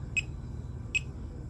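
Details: Two short, high electronic beeps about 0.8 seconds apart over a low room hum from a fingertip pulse oximeter compared with a smartwatch heart rate monitor; pulse beeps around 77 to 79 a minute.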